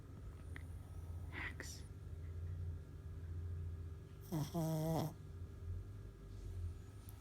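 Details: A sleeping pug snoring, steady low rumbling breath noise with a brief squeaky whine partway through; the owner says it snores like a pig.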